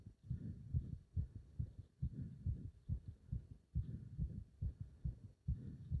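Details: Heart sounds during leg wrench exercise, pulsation felt up to the subclavian artery: strong pounding low thumps, roughly 140 a minute and regular; rapid forceful heartbeat during exercise.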